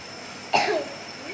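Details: Young boy with a cough, coughing once while receiving home nebulizer steam treatment to thin phlegm and ease the cough: a single short cough against the steady nebulizer hum.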